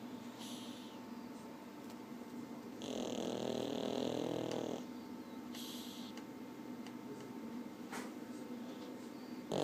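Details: Pug snoring in deep sleep: a soft, fluttering, nasal snorting sound for a couple of seconds over steady room noise.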